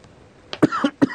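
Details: Quick run of three or four short, dry coughs from an adult man during a TV interview after his release from coronavirus quarantine; he says he tested negative twice.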